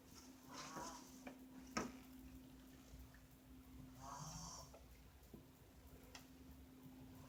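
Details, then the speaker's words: Wife snoring during sleep: two soft, breathy snores a few seconds apart over a steady hum and faint room noise. Light snoring. "Alright, y'all. Part two. She's snoring again."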